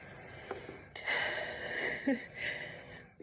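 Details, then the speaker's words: Adult with recently diagnosed mild obstructive sleep apnea demonstrating a CPAP with nasal pillows: steady airflow hiss with nasal breaths, the machine turning on and airflow rising as breathing through the nose starts. "It started turning on because I'm pushing air through my nose. So now I've got air coming through there."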